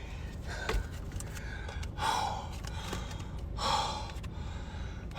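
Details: Person with hiccups using a hiccup straw: two sudden sharp inward gasps about two seconds apart, with room noise and faint clicks in the background.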